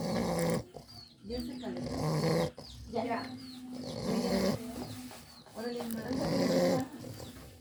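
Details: English Bulldog snoring: loud, rough, rattling snores, about 29 a minute with uneven timing, flat-faced dog's noisy sleep breathing.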